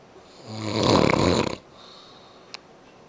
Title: me snoring